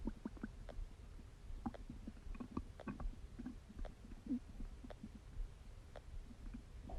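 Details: Low gurgling and bubbling rumbles with brief squelches throughout; normal stomach and bowel sounds during digestion.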